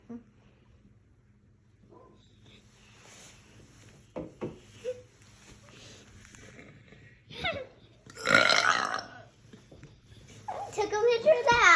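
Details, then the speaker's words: Deliberate burping on request from cousins, who laugh in the background: soft talk, then a long, loud, croaking voiced burp and a second rough one near the end. "Do another burp. Burp. Okay, do the longest one."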